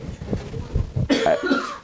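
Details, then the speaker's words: Adult man with a yearly bronchial chest infection gives a short, rough cough burst in a small room. "Je j'ai comme tous les ans, j'ai chopé un petit peu quelque chose sur les bronches. Donc voilà. Voilà. Donc si parfois je tousse ou que ma voix part un peu, vous m'en excuserez."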